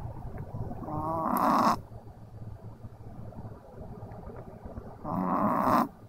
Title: Pixel the snoring dog